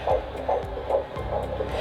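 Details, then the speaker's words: Rapid, regular whooshing pulses of normal fetal heart tones on Doppler, rate in the 130s, found by a certified nurse midwife after Leopold's maneuvers; 110–160 stated as the normal range. "that's another reassuring sign because it's very difficult to get a doppler sound wave off of a baby's butt so 130s excellent heartbeat and so i always tell moms like 110 to 160 is a normal range"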